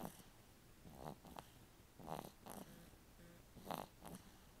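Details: Zoli, a sleeping pet, snoring: quiet, rhythmic snuffly snores with brief nasal snorts, repeating every second or so.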